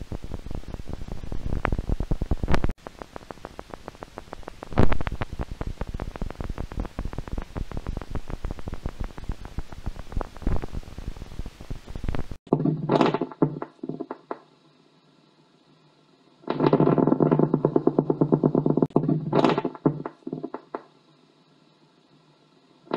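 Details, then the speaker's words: Needle EMG after a nerve injury: spontaneous muscle fiber activity of very low amplitude, appearing irregularly and increasing as the needle moves, likened to rain on a tin roof. These are fibrillation potentials and positive sharp waves. "the typical characteristics of these potentials are they have a very low amplitude they appear irregularly on your screen and they increase in intensity As you move the needle has often been compared to the sound of rain on a tin roof"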